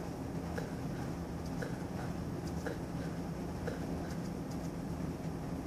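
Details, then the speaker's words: Regular, soft heart sounds about once a second over steady low rumbling; normal S1 from AV valve closure, heard with the stethoscope diaphragm at the apex, where it is loudest, in an adult male. "S1 is caused by closure of the AV valves it is loudest at the Apex and sounds like"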